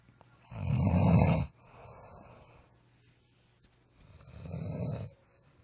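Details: A friend asleep and snoring: two loud, rough snoring breaths with a softer sound between them, from a sleeping adult; snoring.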